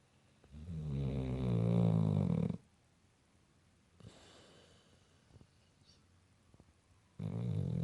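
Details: Sleeping pit bull dog snoring with long, deep, rumbling snores separated by a quiet pause with soft breathing; natural sound, not enhanced; snoring.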